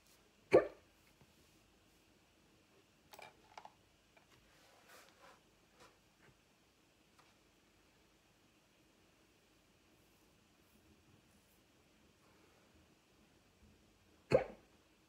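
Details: Hiccups that won't stop: two sharp abrupt hiccups about fourteen seconds apart with faint keyboard typing between; recurring hiccups (singultus).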